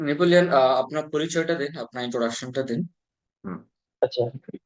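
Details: Adult male speaker; fluent speech.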